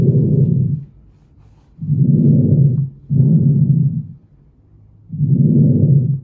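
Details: Auscultation over the front of the chest: soft, low rustling breath sounds rising and falling in regular cycles; normal vesicular breath sounds.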